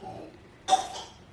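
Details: A single short, harsh cough from a sick toddler with diagnosed RSV who is getting breathing treatments, heard after a quiet stretch with faint room noise.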